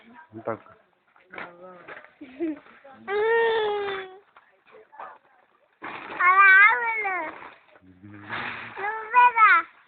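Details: A young child cries in loud wailing bursts, with short whimpers and sobbing breaths between them, in a small room.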